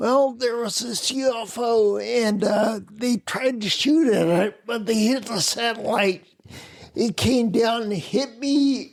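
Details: Adult man with spinocerebellar ataxia of unknown cause, slurred speech since around 1999, difficulty being understood on the phone; ataxic dysarthria.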